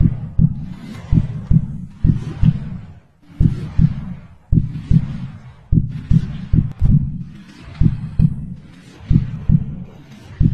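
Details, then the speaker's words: Regular paired lub-dub heartbeats over a soft hiss, the first sound emphasized, in an illustration of normal heart sounds: S1 from tricuspid and mitral closure, S2 from aortic and pulmonary valve closure. "S1 is closure of tricuspid and microbial"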